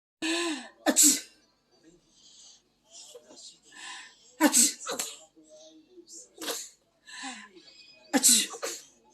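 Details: About 8-month-old baby imitating a sneeze: repeated sneeze-like bursts mixed with babbling and adult voices, an imitation rather than a true sneeze.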